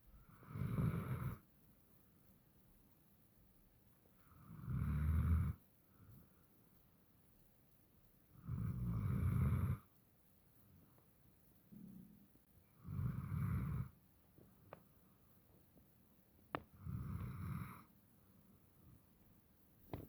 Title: Puppy Snores